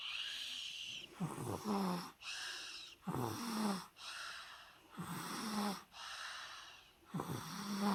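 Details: A sleeping 22-month-old with a cough and cold, napping after bath time, breathes noisily with snorty, rattling congestion at about 30 breaths a minute.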